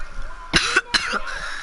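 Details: An adult sick with a cold for a few days, hoarse voice, during a live gaming stream: two short, harsh coughs over faint background game sound; cough with a common cold.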